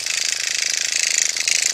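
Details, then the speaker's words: Motorized microneedling pen on the face of a woman over 50, a session done every six weeks per dermatologist: steady rapid high-pitched buzz with fast even pulsing; microneedling pen in operation. "you do this intense Terminator machine every four to six weeks actually my dermatologist said every six weeks so that's what I'm going to do"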